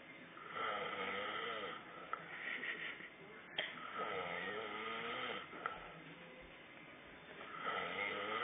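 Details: Adult man asleep on a sofa after heavy drinking; repeated rasping, fluttering breaths with a slight whistle, three in about eight seconds, over faint room noise; snoring.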